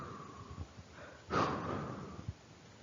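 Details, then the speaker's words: Dog presented in an emergency dyspnea lecture as the normal reference: a single soft, airy breath sound over the chest with clear airflow, contrasted with the muffled, diminished sounds of pleural disease; normal breath sounds. "Esse é o som normal, tá?"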